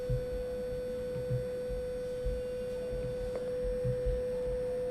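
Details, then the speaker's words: Pure-tone audiometry: a steady, pure mid-pitched test tone presented to the patient through headphones or a bone vibrator at frequencies from 250 Hz upward, raised in decibels until the patient raises a hand. "Entonces de esa forma van graficando. El audióloga le va poniendo los sonidos"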